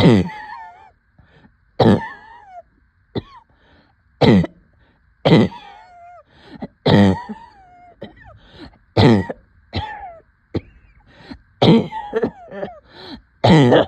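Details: Coughing with shortness of breath: about a dozen repeated harsh coughs, each followed by a strained, squeaky catch of breath; a persistent cough with laboured breathing.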